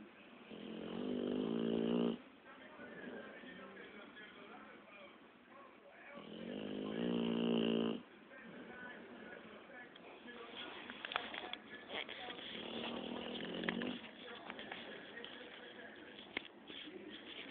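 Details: Sleeping Pitbull dog: long, loud, buzzing snores, each about two seconds, with quieter breathing between; snoring.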